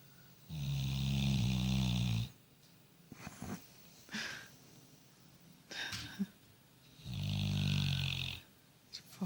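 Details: A sleeping dog snoring: loud, low, buzzing snores on breathing in, about seven seconds apart, with quiet snuffles and small room noises between.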